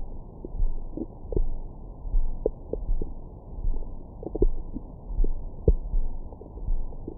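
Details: Stomach growling recorded over the belly with a Stemoscope stethoscope microphone after a large meal: muffled low rumbling with scattered gurgles and squeaks over a steady hiss; normal bowel sounds.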